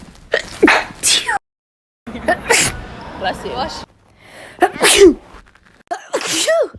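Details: Several sharp, forceful sneezes from different people, with brief exclamations between them, from a compilation of sneezing clips.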